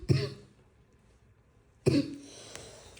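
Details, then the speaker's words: Adult woman at a second doctor's visit for acute illness with possible fever, heavy head and about 10 days of symptoms: two short, harsh cough bursts about two seconds apart, throat-clearing quality; bad cough, feels phlegm but cannot bring it up. "पता नहीं ऐसा तो कभी हुआ ही नहीं जैसा अब हो गया है। इतनी बुरी खांसी कभी नहीं हुई। सूखी खांसी है ना?"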